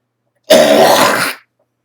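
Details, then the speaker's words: A single harsh, rasping cough, close to a forceful throat-clear, under a second, from an adult who attributes it to histamine and sinus congestion, denying COPD; a smoker's cough. "oh that's not copd clock because i'm not gasping hear how i fill up with air to push a lot out that's not copd copd is lung damage"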